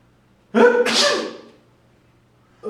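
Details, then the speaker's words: Acted, simulated sneeze in a comedy sketch: a loud sneeze with a voiced wind-up and a forceful hissing burst. "You've defiled our home with your mucousy discharge. Put it back! You want me to put Put the sneeze back in your face!"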